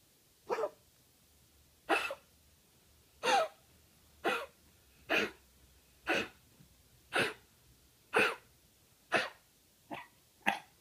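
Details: Coughing.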